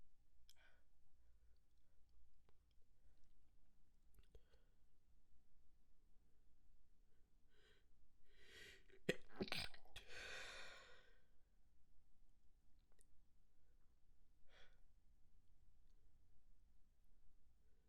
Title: Stifled Sneeze Fit, Wet Sniffles, and Noseblow